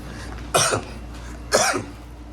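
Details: Two short, dry, non-productive coughs about a second apart over a low room hum, from someone eating pizza with friends; dry cough.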